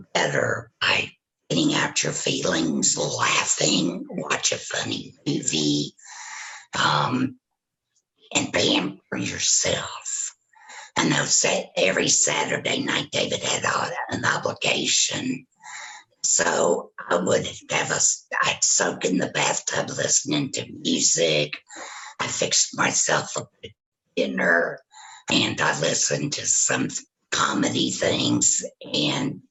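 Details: Woman who had a total laryngectomy for throat cancer, vocal cords removed, speaking with a tracheoesophageal puncture (TEP) voice prosthesis; tracheoesophageal speech after total laryngectomy.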